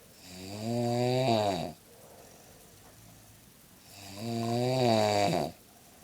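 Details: Elderly woman (grandma) snoring during sleep: two long, loud, buzzing snores on breathing in, about four seconds apart, with quiet breathing out between; ordinary loud snoring.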